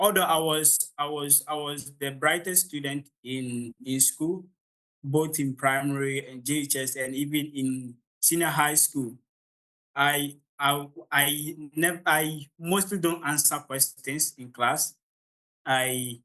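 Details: Adult man from Ghana with real stammering, the only one of 16 siblings who stammers; he says the beginning of his presentation was quite difficult: stuttering.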